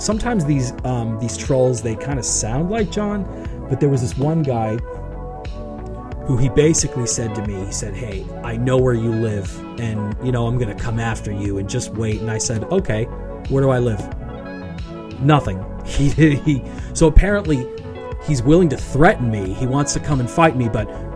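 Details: Adult male speaker with background music; normal speech.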